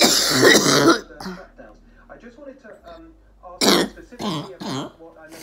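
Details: Female orthopedic surgeon recovering from COVID-19 at home, evening of day 16, with a sudden choking coughing fit: harsh, forceful coughing and throat clearing with strained, gasping breaths as a thick mucus plug is brought up.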